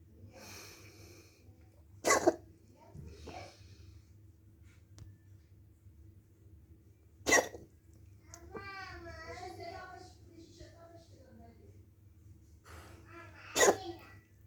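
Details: Dog coughing: three sharp, harsh cough bursts spaced several seconds apart, with a quiet room hum and faint voices between them.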